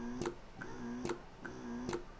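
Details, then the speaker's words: Lansinoh SmartPump 3.0 electric breast pump running on the third frequency option with suction turned up: fast rhythmic mechanical cycling, soft click and hum about every 0.85 seconds. "Right now, we're on the third option. I myself was always on the first one. You can hear how frequent that"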